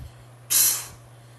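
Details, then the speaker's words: Vocal imitation, not a real recording: a single breathy hiss mimicking the whoosh of a heart murmur heard beyond the normal lub-dub, attributed to a slightly open valve. "ou um, tá indicando um sopro cardíaco, tá? Esse sopro cardíaco significa que a válvula ficou ligeiramente aberta."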